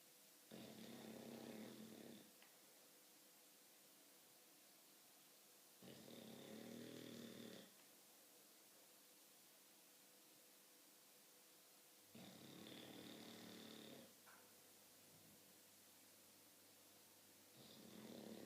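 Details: Sleeping English bulldog, snoring while dreaming, with regular rough, rumbling snores of nearly two seconds each, about every six seconds, and quiet pauses between.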